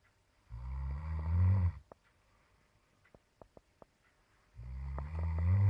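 Two long, loud, rumbling low snores separated by a quiet pause with a few soft clicks; snoring.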